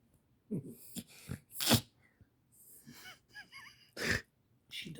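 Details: Dog named Foxy, female, gives several short, harsh hacking coughs in two clusters with a brief whine between, a coughing/choking episode; owner later says she seems better, possibly a neck stretch.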